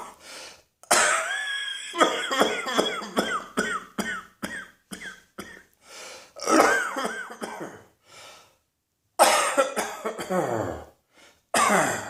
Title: Cross Dressing Coughing 126.